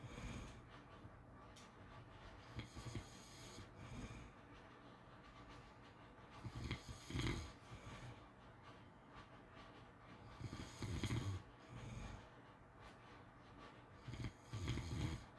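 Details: Snoring during sleep: low, rough snores recurring irregularly, about 16 a minute, over faint room noise.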